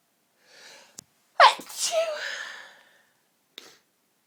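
A soft breathy intake, then one loud, sharp sneeze with a trailing vocal tail; only a single sneeze is heard here.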